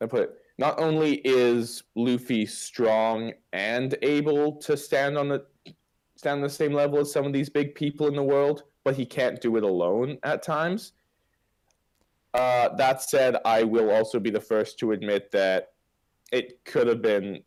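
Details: Adult man speaking; Typical speech.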